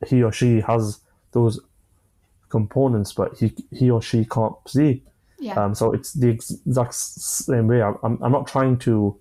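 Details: 25-year-old man with a stammer since early childhood, starting after an asthma attack, with blocks, managed using breathing methods and pauses; stammering.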